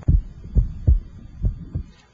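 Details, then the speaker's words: Electronic stethoscope over the pulmonic area: regular low lub-dub about 70 a minute; second heart sound splits wider with inspiration and single with expiration, physiological S2 splitting. "in normal patience the splitting of the second heart sound should only only be heard in the pulmonic area the second heart sound splits or becomes wider normally with inspiration and become single with"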